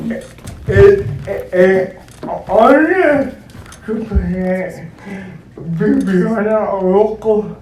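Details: Dysarthric speech in an adult male founder introduced as physically challenged and speech impeded; he uses a wheelchair and needs a personal care assistant; the specific disorder is not named.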